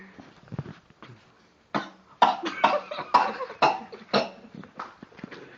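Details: Monkey at a hot spring gives a run of about six short, harsh, explosive coughs in quick succession, fading into softer coughs: cough.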